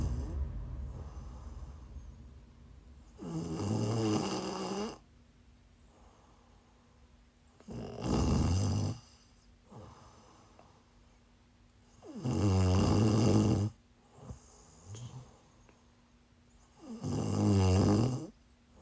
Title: 🔴LIVE: Snores (while sick)